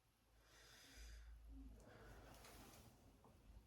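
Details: Stethoscope auscultation during a deep breath on request: soft rushing airflow in and out, no crackles or wheeze; all lung fields clear, normal breath sounds.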